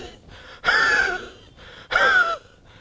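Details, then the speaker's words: Adult imitating a wheezy cough: two harsh, wheezy bursts with a whistling tone, described as a cough with mucus, wheeze relieved by expectoration, and linked to old age. "So these two are your top medicines for a wheezy cough. Whenever you hear that sound of wheeze, do think of these top two medicines, iriodiction or yerba santa and antimonium arsenicosum."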